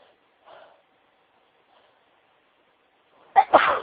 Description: This is a wav of me sneezing into tissues as suggested by a special friend of mine - thanks lots hun x